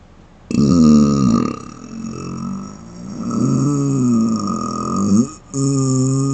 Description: I've been asked in a few of my live streams for closed mouth burps.. so here's my first video featuring them! :)